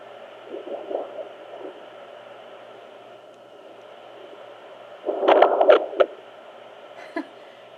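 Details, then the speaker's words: Home fetal Doppler at 22 weeks of pregnancy, baby boy, probe on the spot of most kicks: steady hiss with soft whooshing bumps, then a loud scraping burst as the fetus moves in the amniotic fluid: fetal movement. "That's him moving in the amniotic fluid. That was me just barely moving the probe."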